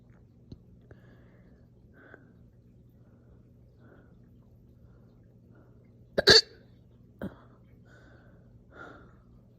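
Quiet room, then a single loud abrupt hiccup-burp with a smaller catch after it; hiccups mixed with belching.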